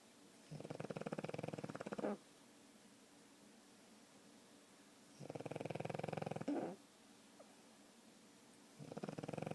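Fluttering, rattly snores on each in-breath, about one every four seconds with quiet pauses between: a flat-faced small dog snoring.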